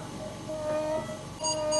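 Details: Harsh, high-pitched musical noise over two breaths: inspiratory stridor in a child, from a narrowed upper airway.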